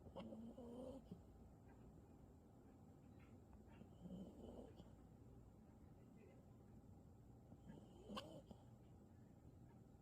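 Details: Sleeping dog: faint soft snoring about every four seconds, some with a light nasal whine, over quiet room noise.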